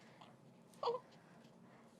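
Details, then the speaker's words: Healthy full-term neonate during a neonatal neurologic exam, right after Galant reflex testing: two brief fussy cries in a quiet room, ready for a feed; a normal newborn cry. "okay and this is a very healthy fullterm neonate who's ready for a meal"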